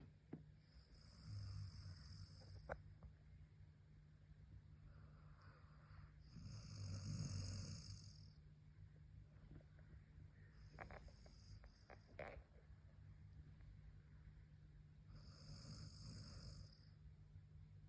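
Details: Golden retriever dog snoring, three or four loud rasping snores roughly every four to five seconds over a steady low room hum.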